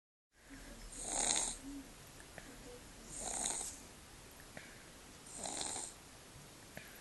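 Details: Little boy with a cold, snuffle snoring: three soft, hissing, nasal snores about two seconds apart, airy rather than rumbling; light snuffly snoring.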